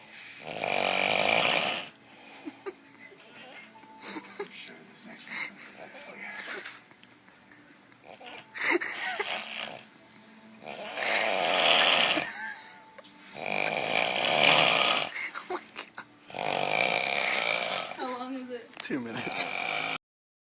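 Loud, harsh rattling snores on each breath, with quieter pauses between; heavy snoring.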